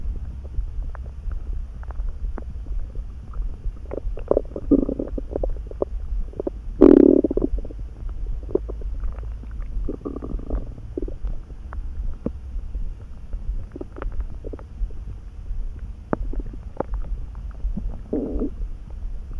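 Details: Stomach rumbling that came on suddenly while neither hungry nor full: low background hum with scattered gurgles and a louder rumbling burst midway; ordinary borborygmi from gas and fluid moving through the gut.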